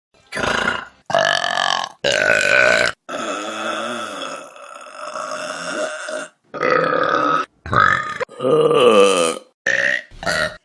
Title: Best Burps From Vine || #30 || February 2016